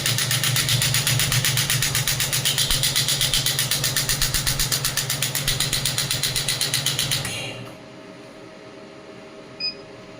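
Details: Biotronix clinical pneumatic shockwave therapy device, energy raised toward its 12-bar maximum, machine vibrating on the table: rapid, even tapping of about four pulses a second for seven seconds, then stopping as treatment is paused.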